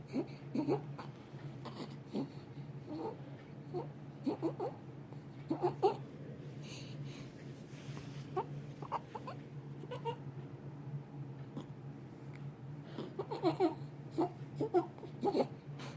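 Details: Stridor: clusters of high, squeaky, whistling breath sounds over a steady hum, consistent with a narrowed upper airway.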